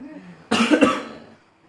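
A single forceful double-burst cough, acted for a comedy skit.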